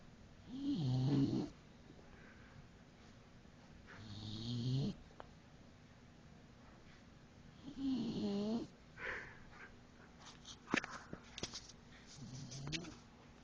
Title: Snoring bulldog